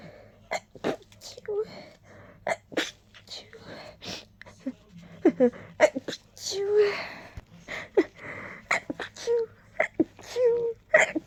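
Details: Desperate, tickly rapid sneezing: many quick sharp sneeze-like bursts in rapid succession with short voiced catches between them.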